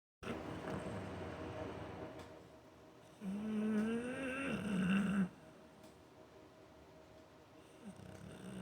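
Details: American Bulldog snoring while asleep on his dog bed in a studio: one long, loud, rattling, humming snore, with steady breathing noise before and after, from a flat-faced dog.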